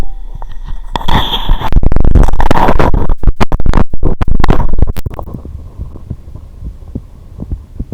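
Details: Heartbeat recorded with a stethoscope recorder plugged into a computer for a heartbeat music project: handling scrapes and rumbles, then soft regular lub-dub beats, first sound higher, second lower; normal heart sounds.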